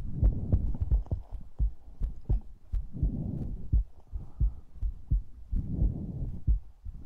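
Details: ASMR recording of a heartbeat: muffled low thumps at roughly 86 a minute, mixed with soft breathing and close rustling sounds.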